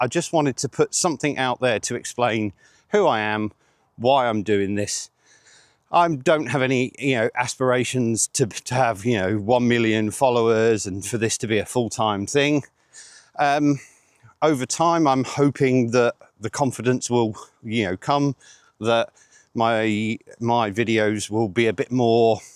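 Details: 47-year-old man with stuttering (stammering) since age eight, with blocks, pauses and filler words, worse under pressure; he rates it milder than many people's.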